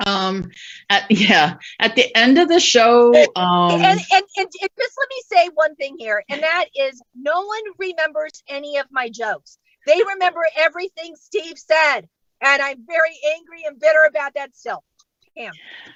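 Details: Adult woman who states she has genuine, unfaked stuttering, speaking during a live comedy set at StutterFest 2022; stuttering.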